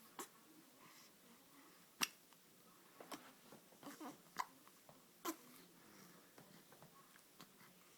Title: Baby hiccups